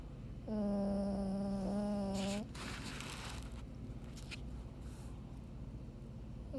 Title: Buddy Snoring, just listen